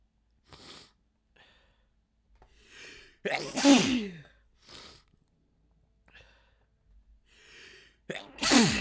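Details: Rapid, very wet sneeze fit: soft breaths and sharp inhalations build to two loud, explosive wet sneezes.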